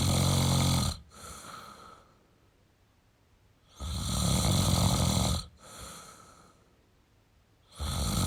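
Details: Male snoring: loud rattling snores on each in-breath with quieter out-breaths between, roughly every three to four seconds.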